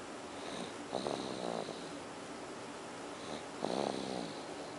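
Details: 9-month-old baby boy snoring: two soft, rattling snores on the in-breath with a faint hiss between them, about one breath every three seconds.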